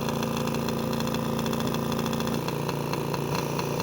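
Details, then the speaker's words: AirSep NewLife Intensity 10 oxygen concentrator (10 L/min), switched on for a strange-noise fault: steady motor hum with a rough, repeated rattling and rubbing from the compressor. "traqueteo proviene del compresor así que vamos nosotros a analizar de qué se trata ese rozamiento no vaya a perjudicar algún elemento crítico no el equipo"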